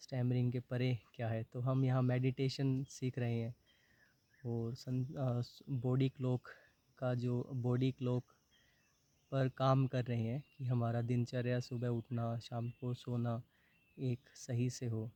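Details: Adult man with stammering for about 20 years since around class 6, worse in college and meetings, with blocks when reading aloud; stuttering.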